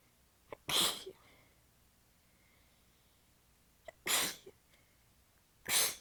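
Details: Three sharp, hissing sneezes within six seconds, each after a brief catch of breath, in a quiet room. Repetitive sneezing fit; the person is exhausted with sore abs and partly stifling the sneezes. The fit was recorded in changing positions.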